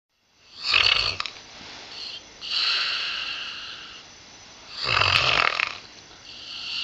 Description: Pip is an 8 year old springer spaniel. She has a nasal tumour and is currently undergoing radiotherapy at the University of Liverpool.